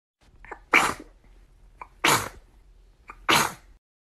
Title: Catblue sneezing - Pj Masks animation - ~UwU~